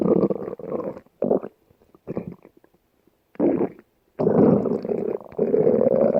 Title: stomach growling